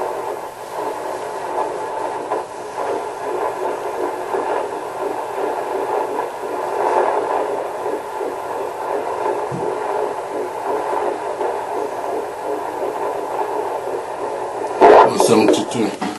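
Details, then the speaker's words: Fetal heartbeat on Doppler at about 7–10 weeks of pregnancy, fast rhythmic whooshing pulse, measured at 172 beats a minute at the first heartbeat appointment. "so anyways the heartbeat was 172 and from what i've heard of the myth if your heart baby's heartbeat is 140 or below it's a boy and if it's above 160 it's a girl"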